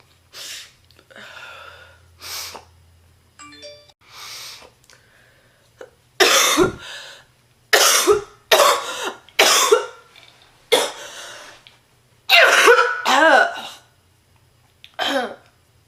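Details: Real (not acted) smoker's cough from a sick adult woman who is a heavy smoker: repeated harsh, forceful, deep and painful coughing fits.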